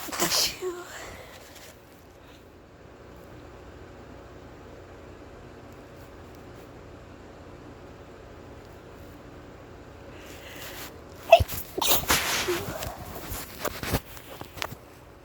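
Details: Deliberately induced sneezing by someone feeling stuffy: one sharp sneeze, a long quiet stretch, then a burst of sharp sneezes and sniffs close together.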